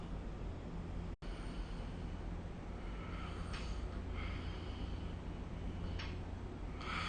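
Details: Sleep snoring recorded with the SnoreLab app: low steady rumble with a few rough, snorting breath noises; snoring.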